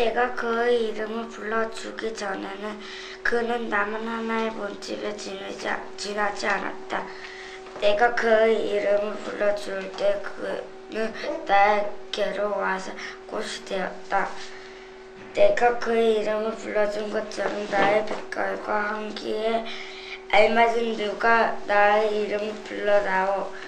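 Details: 10-year-old girl, elementary school student, with childhood vocal fold nodules; earliest recording in a before-and-after voice therapy series; vocal fold nodules.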